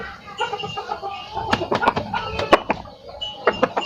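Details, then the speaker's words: A sick chicken with respiratory disease makes short rattling, snoring noises (ngorok) with its breaths before treatment; respiratory rales. "Ini posisi ngorok ya teman-teman, mungkin bisa didengar."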